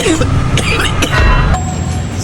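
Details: Adult man coughing during a holistic bonesetting/tapping therapy session after reporting nausea and dizziness; a few short, harsh cough bursts with music and background rumble: cough.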